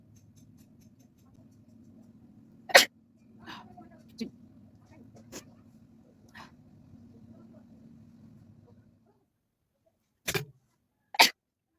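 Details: Sneezes deliberately induced with a stick in a sneezing challenge: several short, sharp bursts, mostly brief sneezes with a few softer ones between, over a quiet room hum.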